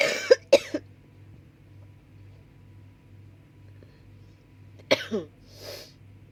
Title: coughing